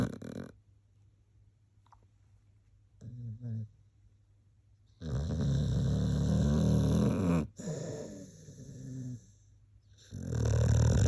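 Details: Sleeping dog: loud, low rumbling snores with rough fluttering breaths in long bursts separated by quieter pauses; ordinary dog snoring.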